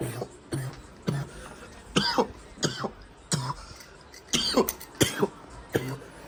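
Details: Adult coughing fit of repeated short, harsh bursts, some with a voiced, throaty edge, while smoking indoors.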